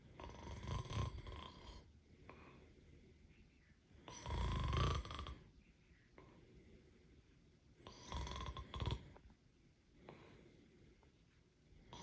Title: Snoring cat! #pet #cat #catbehavior